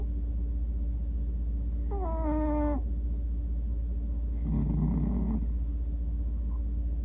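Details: Two soft breath sounds over a steady hum from a male cat falling asleep and fidgeting as he dreams, the first a thin horn-like rising-falling tone, the second a low rattly snore; snoring.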